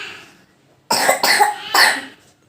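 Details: Three sharp, dry coughs in a quick run with no speech, presented as the cough characteristic of the homeopathic remedy Drosera; repetitive dry cough.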